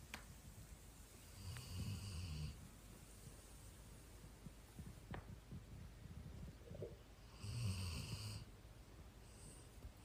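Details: Low rumbling snores on two inhalations with faint quiet breathing between them; the snoring started with age. Snoring.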